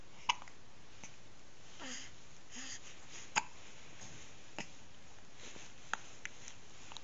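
Brief sharp catches in a quiet room, recurring at irregular intervals, about five in seven seconds, consistent with hiccups.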